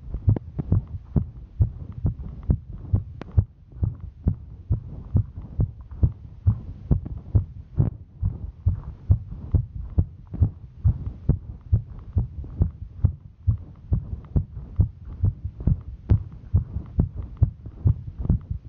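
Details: A woman's heartbeat while hiking: rapid, regular low thumps at about 136 beats a minute; normal heart sounds during exertion.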